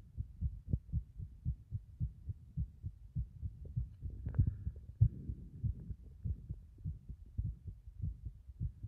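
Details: Heart sounds over a sunken chest: steady low thumping heartbeat at about 95 to 100 beats a minute.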